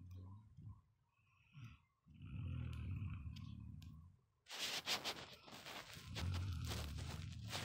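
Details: Deep, harsh, rattling, growl-like rumbles with breathy gaps: very loud snoring.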